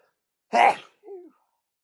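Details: Deliberately induced sneeze: one loud, explosive sneeze followed by a brief voiced sound in a quiet room; a single sneeze.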